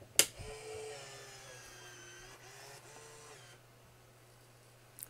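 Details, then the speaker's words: B. Braun Infusomat Space IV pump in EMS training, set-up after power-on: tubing inserted and door closed, then a click and a soft whirring motor sound that fades as the mechanism engages the tubing. "it's going to ask you to open the door to insert your Pump tubing so we insert the tubing and we close the door"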